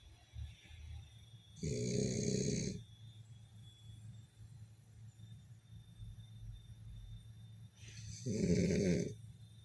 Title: The Sleeping Beauty Snoring French Bulldog